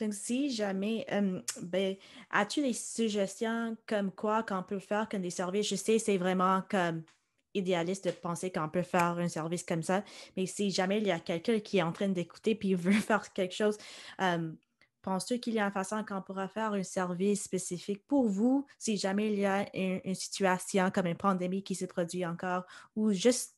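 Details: Adult speaker; Typical speech.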